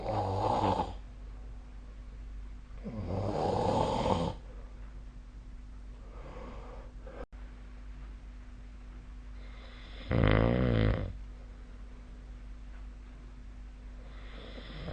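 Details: Sleep snoring recorded with the SnoreLab app on 2 April 2025: loud, rough snores recur every few seconds over a steady low hum.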